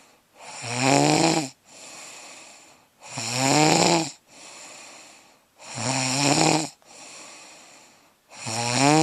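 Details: Loud, rough, rattling snores on each in-breath with softer out-breaths, regular at about 23 breaths a minute; snoring.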